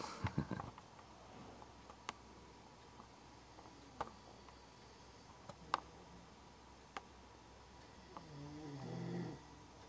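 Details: Man asleep on a couch with his dog, both snoring together: a low, rumbling snore on breathing in over steady room hiss with faint clicks; ordinary snoring.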